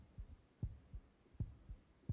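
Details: Soft, regular paired low thumps, about 80 a minute: a man's heartbeat picked up by a heart-rate monitor.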